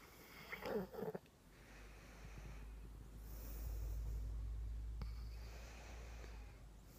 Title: Feebee snoring